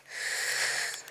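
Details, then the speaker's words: Single long, hissing, slightly whistling breath from a slow walker hiking uphill toward a hillfort, who says her breathing is wheezing: wheezy breathing on exertion. "to allow for the light in everything because I'm a slow Walker and I've got my breathing wheezing north"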